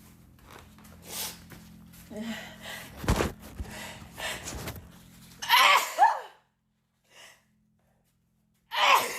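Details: A young woman sneezing repeatedly: a sharp gasping intake followed by a loud explosive sneeze, then a second burst after a pause.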